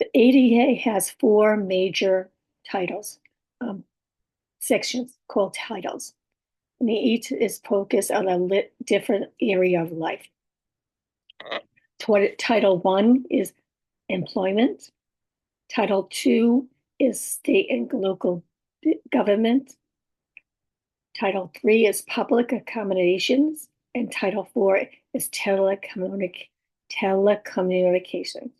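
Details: Adult woman with about six years of communication challenges who has aphasia, apraxia of speech and dysarthria, and whose speech is sometimes hard to understand; aphasia with apraxia of speech and dysarthria.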